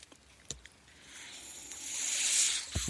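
A soft airy hiss swells and fades during a pause in speech, with a few faint clicks: the airflow of a mechanical ventilator delivering a breath.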